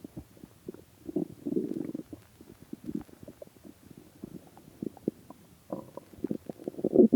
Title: my starving stomach Growling still have not eaten it's been 3 days and 4 hours no food so 76 hours